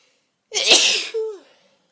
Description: Forceful sneezes with buildups